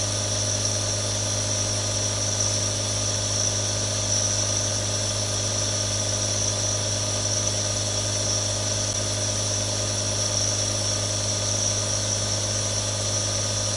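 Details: Real sounds from one of three different nebulizers: a steady droning hum with a constant hiss and no breaks as the compressor runs continuously.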